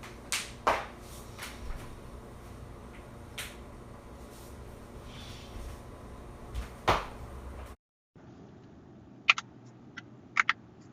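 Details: Joint cracking (cavitation).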